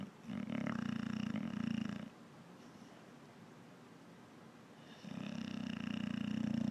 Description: A very big boxer snoring the day away